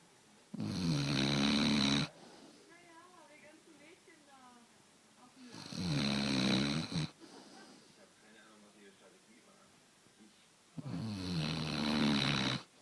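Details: American bulldog sleeping with tongue out, sucking on her tongue: loud rattling snores about 12 a minute, with soft mouth noises and faint background talk between breaths; snoring.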